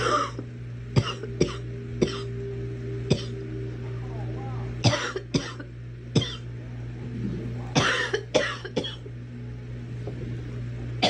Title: Girl coughing 210